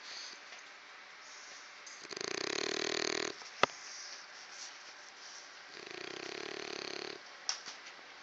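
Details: Snoring: two long, rattling, fluttering snores on the in-breath, about 16 breaths a minute, with quiet pauses between them.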